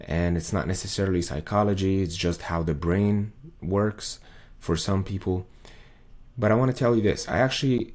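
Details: Adult male with muscle tension dysphonia, diagnosed by an ENT via laryngoscopy in late 2022; this is a recording from before 2023, before his exercises, when a 40-second video took him about 45 minutes to record.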